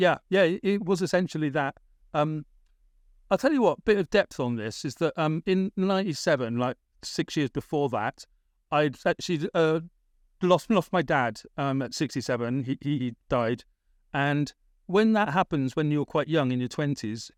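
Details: Adult British man with a persistent stammer, worst around age 28-29, treated with speech therapy in Britain, still stammering now in adulthood; stammering.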